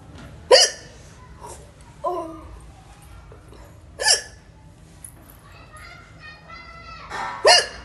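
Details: Three natural hiccups, sharp and abrupt, about three and a half seconds apart, with faint voice sounds between.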